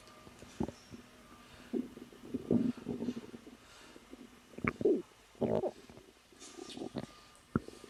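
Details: Woman about 3 months pregnant, relaxing, with natural stomach growling from the abdomen: bowel sounds (borborygmi).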